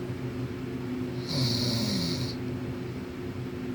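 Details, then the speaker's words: Male snoring close up in the listener's ear while he claims not to be asleep: a single low, fluttering snore on one breath over a steady room hum. "I was snoring. That's all you gotta say?"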